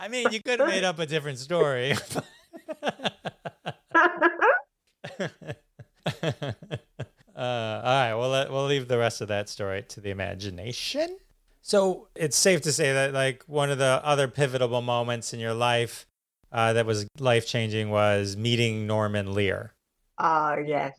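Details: Adult man, conversational; typical speech.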